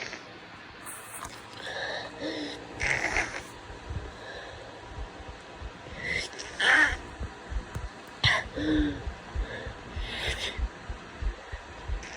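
Repeated wet sniffs and several sneeze-like bursts with congested, snotty breathing through the nose, typical of a heavy head cold.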